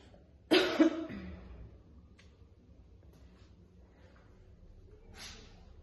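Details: Young woman chain-smoking two cigarettes with frequent spitting: a single harsh, wet cough burst with a throat-clearing tail, then quiet breathing; a smoker's cough.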